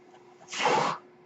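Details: The speaker's own mechanical ventilator during podcast speech: a single half-second airy whoosh over a faint steady hum, one ventilator breath delivered in a pause in speech.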